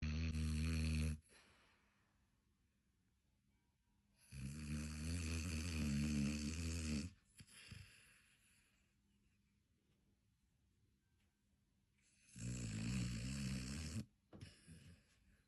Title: What dog snores like this⁉️🤣🤷🏾‍♂️if ur dog snores like this comment below👇#snoring #dog #explore